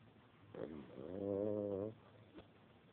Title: roxy snoring